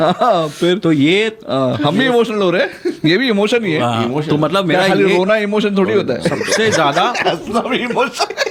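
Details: Adult speaker; normal speech.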